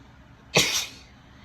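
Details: Female with a tickly, sneezy nose from cold weather: a single forceful, hissing sneeze with a brief trailing exhale in a quiet room; sneeze.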